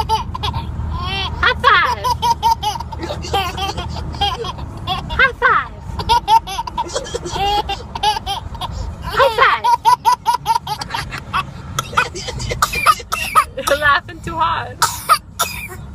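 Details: A young child laughs hard in high-pitched bursts, then breaks into short sharp coughs near the end: a cough triggered by laughing.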